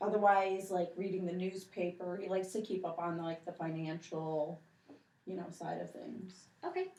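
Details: Adult woman; Normal speech.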